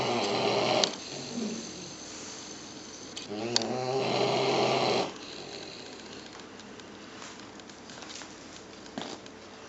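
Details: Rescued puppy with severe demodex mange napping in a crate, snoring very loudly: a long, rough fluttering snore over room noise, then quieter breathing.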